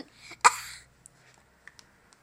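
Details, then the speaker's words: Infant boy gives a single short forced cough, faked rather than a true cough, followed by faint small mouth sounds; he is slobbering. "hi buddy are you coughing you guys such a bad cough don't scare him such a bad cough you got there buddy huh"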